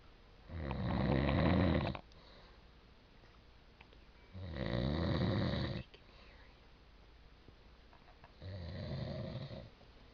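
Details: Sleeping adult man (father) snoring like a growling dog; three low, rumbling inspiratory snores about every four seconds with quiet breathing between: snoring.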